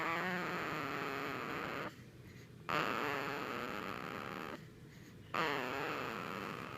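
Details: Newborn less than a day old snoring softly: long buzzing breaths with short quiet gaps, about 23 breaths a minute. Snoring.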